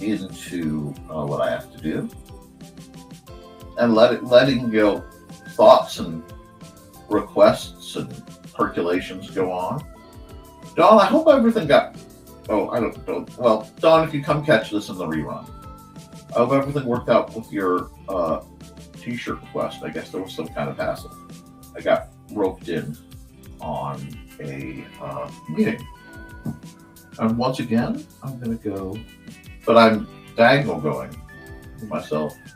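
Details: Stuttering in an adult male host who says he stutters a lot; repetitions heard in running speech.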